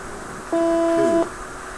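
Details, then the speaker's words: Vital signs monitor preventive maintenance test with a simulator: a single steady electronic alarm tone under a second as all high-limit alarms are triggered. "yeah look at that I'm triggering all my alarms right now"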